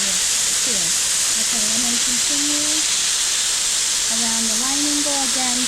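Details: Magnetostrictive ultrasonic scaler used on a typodont's mandibular anterior sextant in dental hygiene training, tip adapted under contacts and along buccal surfaces: loud continuous hiss with spray-like rush and faint tones of the scaler running.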